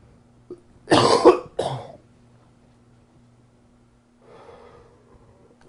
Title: Coughing 88